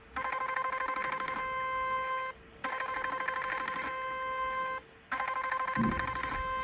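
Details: Portable 7D HIFU machine firing during facial treatment over cooling gel, worked from down to up: repeating electronic beeping tones in bursts about every 2.5 seconds with brief pauses.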